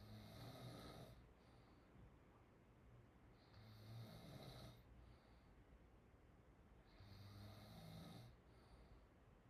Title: Chinese girl snoring #snoring #openmouthsounds #snoringasmr #chinese